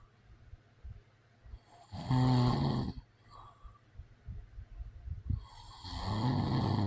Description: This is a white noise video. It's real sounds of a man snoring.